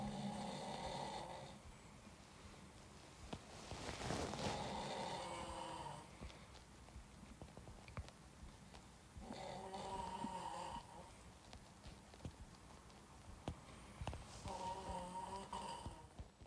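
Loud, buzzing snores repeating in a steady breathing rhythm, with faint room noise.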